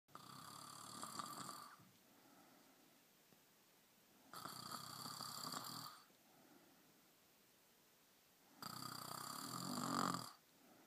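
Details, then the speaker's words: Adult woman snoring while asleep, unaware she snores: loud, rough, rattling snores about every four seconds, roughly 14 breaths a minute, with quiet pauses between; heavy snoring. "what what are you doing are you snoring was I snoring yeah oh was I oh big time"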